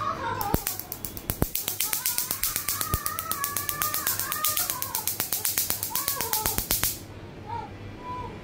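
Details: A laser tattoo removal device firing during a further session on a mostly faded owl tattoo: rapid sharp snapping pulses, about four a second, with the person's high-pitched cries over them.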